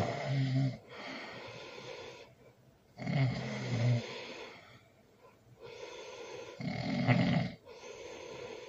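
Loud rumbling snores on the in-breath, about 18 a minute, somewhat irregular, with quieter breathing and light room noise between them.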